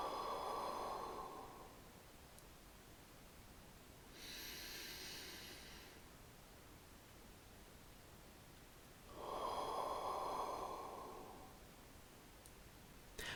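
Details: Physiotherapist-demonstrated repeat ACBT thoracic expansion exercise, hands on outer ribs: slow deep breaths in through the nose, three-second hold, long breath out through the mouth, between breathing-control sets.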